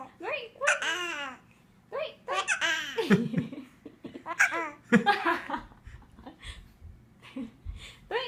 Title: Baby having hiccup and giggle